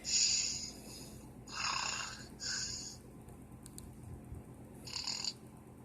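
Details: Light snoring while asleep with the mouth open and drooling: repeated soft, hissing, whistling breaths at irregular intervals.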